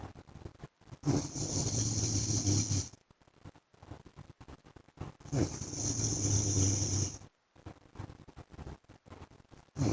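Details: Loud, rough snores on inhaling, about two in ten seconds, with quieter breathing between them from a husband asleep; snoring.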